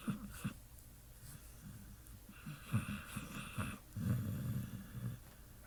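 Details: Sleeping Pit Bull dreaming and snoring: soft, irregular low rumbling breaths with small snorts and whimpery sounds.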